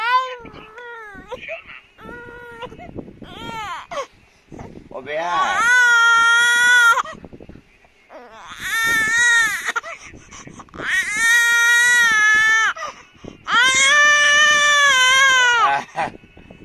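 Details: Infant crying: loud, drawn-out wails in repeated bouts with short whimpers and gasps between; ordinary baby crying.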